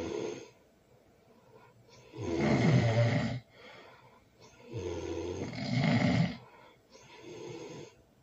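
Heavy, rumbling snores on the in-breath, about 19 breaths a minute, with quieter breathing between: snoring.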